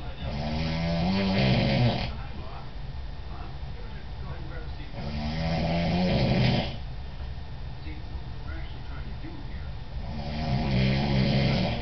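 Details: Adult man (father) snoring in sleep: three loud, rumbling snores on in-breaths, about 15 breaths a minute, faint room hum; steady snoring.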